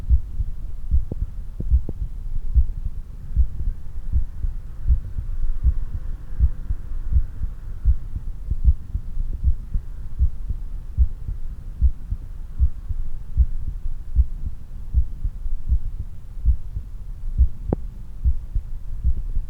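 Steady low heartbeat thumps at roughly 77 a minute after exercise, over a faint hum.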